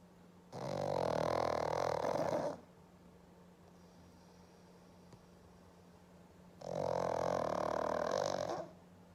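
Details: Black pug sleeping on a Monday morning: two long, rattling snores about six seconds apart, each lasting two seconds, with quiet between; loud snoring.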